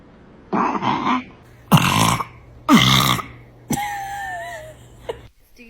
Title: Newborn burping #baby #Love #cute #adorable #burp